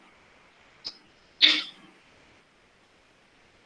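A dog gives three short, harsh cough bursts, the middle one loudest, in a quiet room. This is a productive cough: each effort moves mucus or fluid from the airways up into the mouth, and the dog usually swallows it afterward.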